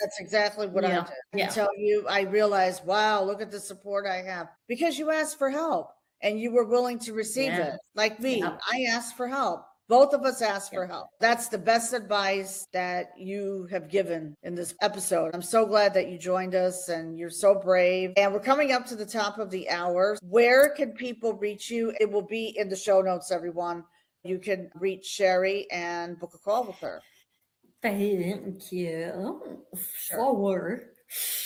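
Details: Adult woman speaking, podcast conversation; ordinary speech.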